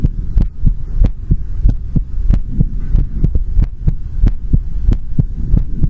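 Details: ASMR heartbeat recording: steady deep thumping heartbeat at about 94 beats a minute with a low hum underneath.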